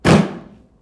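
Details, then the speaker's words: Chiropractic drop-table adjustment of the hip, adult female patient lying face down, with hip pain, low back issues and neck stiffness: a single heavy thud as the raised table section drops. "we're gonna do a couple drops of the table here so the table is going to come up and it's going to fall down like that a couple times it's going to help me use gravity to adjust this hit"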